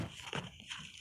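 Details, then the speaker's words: Adult man in a tent deliberately holds back a sneeze to avoid overloading his mic: a brief hissing burst, then a softer exhale in a small space; suppressed sneeze. "It's a long ass video just so you can hear me sneeze. Yes, normally I do a loud booming achoo thing, but I think that would blow up my mic."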